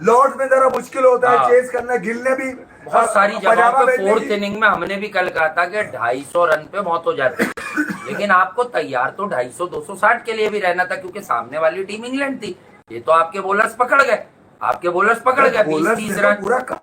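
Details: Adult male speaker; normal voice.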